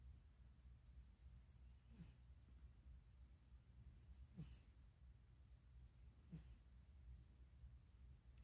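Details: Dog making low, rumbling snore-like breathing noises while awake, with brief snorting catches every couple of seconds; stertor.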